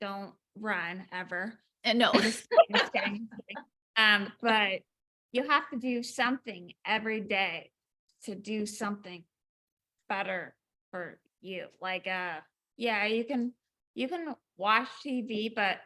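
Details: Woman about 4 years after a 2019 ruptured brain aneurysm with intracranial and subarachnoid hemorrhages, initially unable to speak, 5 brain surgeries in 7 weeks; aphasia with apraxia of speech.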